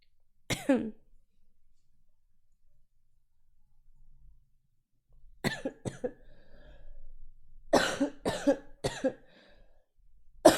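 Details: Streamer, sick with a sore throat, coughing on stream: a single cough, then a run of about seven short dry coughs in a quiet room.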